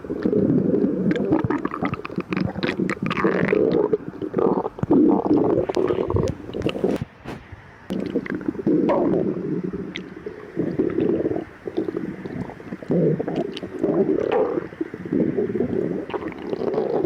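Loud, long rumbling and gurgling in waves from an empty stomach; normal stomach growling.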